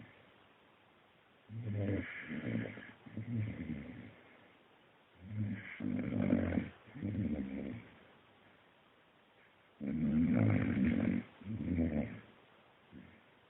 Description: Our Akita Hachi snoring after a hard day of tail chasing